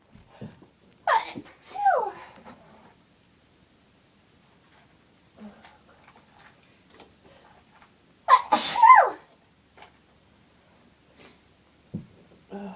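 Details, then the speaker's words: Two loud, forceful sneezes, each preceded by a rising inward gasp, in a quiet room; sneezing fits with a cold. "Oh God, I'm gonna sneeze again. I feel it building."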